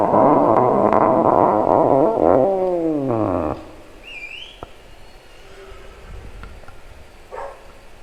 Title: Stomach Growling Comp